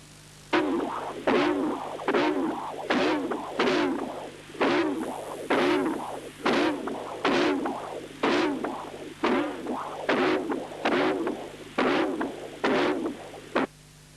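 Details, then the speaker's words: Doppler bursts about 70 a minute, each systolic signal vibrating with a buzzing, musical "angry bee" murmur. This is prosthetic mitral regurgitation from a torn prosthetic cusp on pulsed-wave (left atrium near sewing ring) and CW Doppler; the prosthesis was later replaced. "this is the CW Doppler exam which also shows unusual vibrations within the systolic envelope listen again to the angry bee murmur that is typical for a torn cusp"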